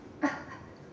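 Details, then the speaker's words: Cough-etiquette demonstration: a single short, muffled cough into the sleeve (arm), dampened, instead of into the palm. "Yang kedua, teman-teman bisa menggunakan lengan seperti ini"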